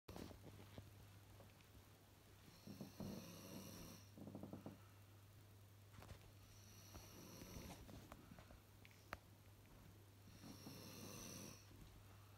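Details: Ordinary snoring: soft, rhythmic snores about every four seconds, some with a fluttering rattle, over a steady low hum.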